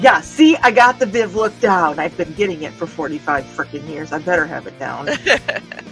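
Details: Adult speaker; normal speech.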